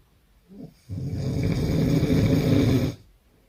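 One loud, harsh, rattling snore of about two seconds after a short intake of breath.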